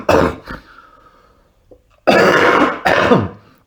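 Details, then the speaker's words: Productive cough from an adult with thick lung secretions lasting months after RSV infection: a few rough, wet coughs and throat clears, bringing up mucus from the chest. "to C those secretions I'm I'm not coughing loud intentionally it's just trying trying to clear this thing up out"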